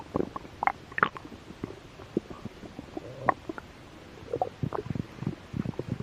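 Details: Stomach growling from mild hunger: irregular low gurgles and rumbles over about six seconds; ordinary bowel sounds (borborygmi).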